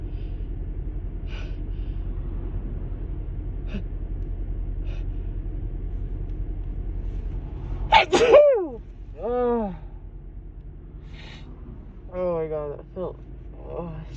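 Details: Female with a stuffy, itchy nose from allergies, with long build-ups and false starts: two forceful sneezes in quick succession, then brief voiced sounds over low background rumble; allergy sneezing.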